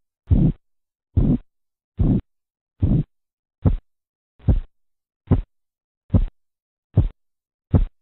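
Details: Korotkoff sounds during blood pressure measurement: ten regular low tapping thumps at about 72 a minute.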